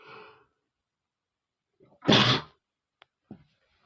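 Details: Male: a short in-breath, then one loud explosive sneeze, a faint click and a brief breath; he attributes it to flowers irritating his nose; single sneeze.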